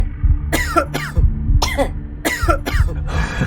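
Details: Acted, simulated coughs: about five short voiced coughs in pairs over steady background music, an imitated uncovered cough shown as spreading bacteria or viruses through the air, illustrating why coughs should be covered.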